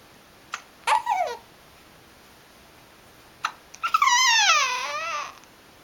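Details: Infant: brief sharp hiccup sounds, each followed by a high-pitched squeal or cry, the second one longer and fussier; hiccups with crying.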